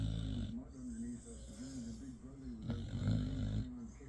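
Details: Low, wavering nasal snore with a whistling, wheezy edge in short irregular pulses from a dog sleeping happily while touching both owners.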